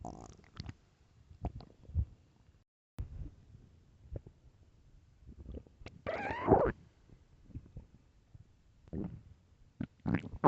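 Irregular gurgling and squeaky rumbling bursts with quiet gaps; loud stomach growling, a normal digestive sound.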